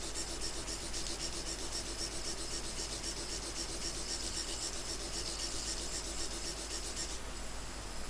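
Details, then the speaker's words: Microdebrider in the frontal recess during endoscopic frontal sinusotomy, trimming cell edges and removing bony fragments while preserving mucosa: steady hissing, rasping motor noise with faint fluttering as tissue and bone fragments are cut and suctioned. "And you notice that throughout this entire process, we're watching where the tip of the microdebrider is."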